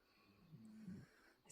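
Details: Six-year-old English bulldog snoring while asleep: a low, rough, rattling snore on one noisy breath, likened to a jackhammer.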